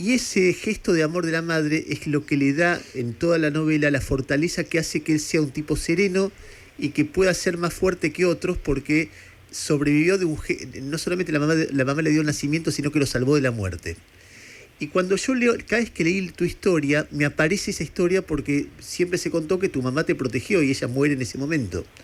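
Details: Adult male speaker; normal speech.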